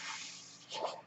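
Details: Real mechanical ventilator used by the speaker, audible during a podcast recording; the speaker identifies the noise as his ventilator; mechanical ventilator sound.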